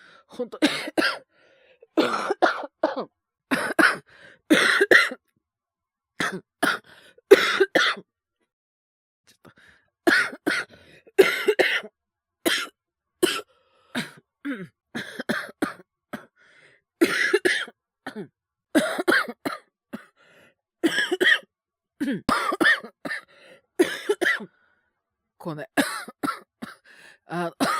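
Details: Young Japanese male with influenza, streaming while sick: repeated bursts of harsh, persistent coughing with brief pauses.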